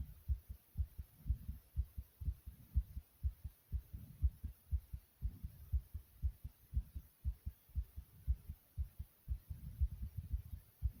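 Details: Recording of a person's own heartbeat, fast: rapid, regular, low thumping beats at about 120 per minute.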